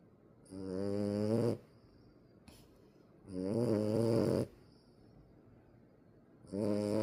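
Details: French bulldog puppy under one year old, sleeping: loud, deep, rhythmic snores on each breath in, about 20 a minute, surprisingly like an adult man's snoring.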